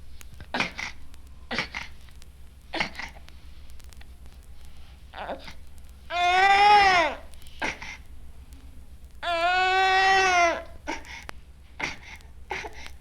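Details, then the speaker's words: Infant with severe pneumonia: short, repeated grunting breaths and two strained cries with a near-mechanical grunting quality to crying and breathing, with bronchial breathing almost audible. "The following sounds were made by an infant with severe pneumonia. Note the grunting near mechanical sound of the crying and breathing. One can almost hear the bronchial breathing in this example."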